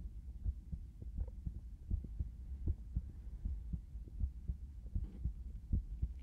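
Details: Normal heartbeat heard through a stethoscope in a binaural ASMR recording: steady low thumping at about 79 beats a minute with faint background hum.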